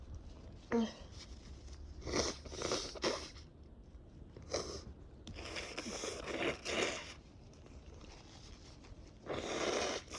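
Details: Several loud, noisy sneezes in quick succession over ten seconds with sniffing between, from a person with a cold and super runny, irritated nose, in a prolonged sneezing attack after travel.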